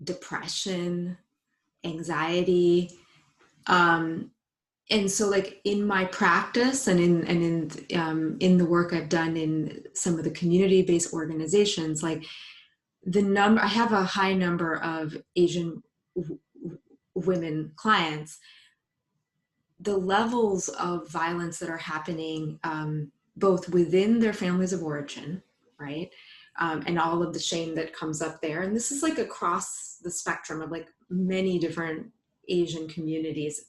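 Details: Woman, a psychologist, who identifies herself as a person who stutters, speaking spontaneously in English on a live panel. Stuttering.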